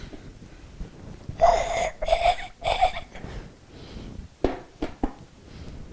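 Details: Allergic rhinitis in children: noisy mouth breathing from nasal obstruction.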